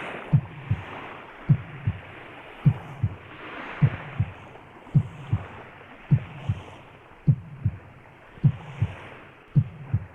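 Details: Heartbeat: steady, regular paired low thumps at about 52 beats per minute with soft background hiss.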